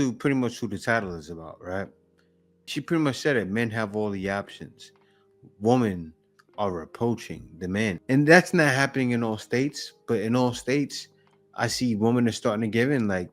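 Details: Adult man speaking; ordinary speech.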